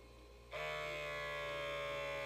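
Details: Lifewise talking wrist blood pressure monitor on the user's wrist, raised to heart level, in a quiet room: a steady buzzing pump starts as the automatic cuff inflates.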